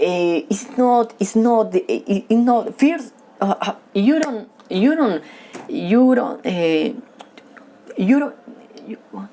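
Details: Man who has stuttered since childhood and says he stutters when talking with people but reads fluently alone; stuttering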